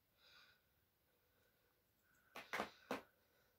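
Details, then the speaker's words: Quiet stethoscope background with a few brief gurgling bursts heard on abdominal auscultation after palpation and percussion; normal bowel sounds. "Іште құрыл жырылдар естіліп тұр."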